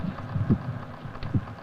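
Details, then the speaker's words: Deep, low thumps from a recording stethoscope on a calm 5-year-old orphaned elephant eating corn, recorded with an electrocardiogram: normal heart sounds, slow compared with a human heartbeat. "later the tape recording of these sounds will combine with the electroc cardiogram to give scientists a picture of the heart's function"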